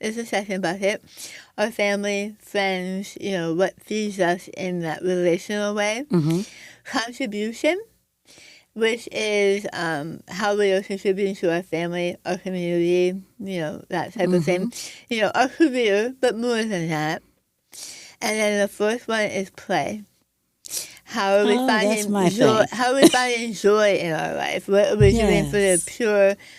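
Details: Adult woman after stage 4 right-sided tongue squamous cell carcinoma (diagnosed December 2021), over half of tongue removed and reconstructed with arm-skin flap, plus neck dissection, radiation, chemotherapy and speech therapy; altered articulation after partial glossectomy.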